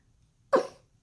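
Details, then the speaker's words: Single abrupt, brief throat noise like a short cough or grunt; vocal tic that developed around seventh and eighth grade and now occurs rarely; throat-noise tic. "I have a throat noise I don't do it I don't do it as much anymore I rarely do it anymore"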